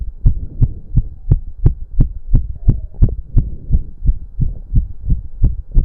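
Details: Male heartbeat during an intense cardio workout of about 15 minutes, with heavy breathing. Rapid, regular, forceful low thumps at roughly 170–180 beats a minute with a faint hum; he reports close to 200 bpm. Sinus tachycardia.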